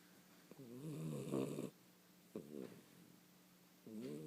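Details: 16-week-old puppy sleeping blissfully: soft, whistly, wavering snores in a quiet room, three breaths over about four seconds, snoring.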